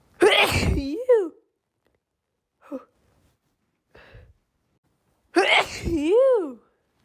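Two loud, forceful sneezes with quieter breaths between them, a sneezing fit.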